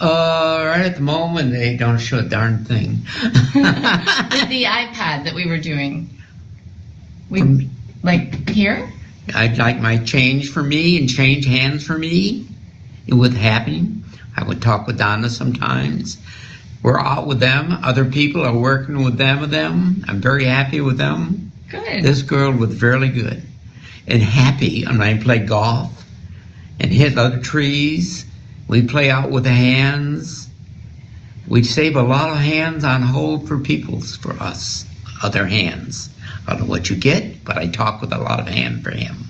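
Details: Adult male with fluent (Wernicke's) aphasia: Wernicke's aphasia (fluent aphasia).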